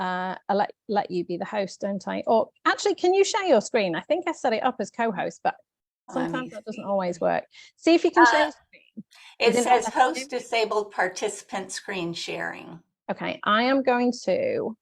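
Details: Adult woman speaking, online meeting; normal speech.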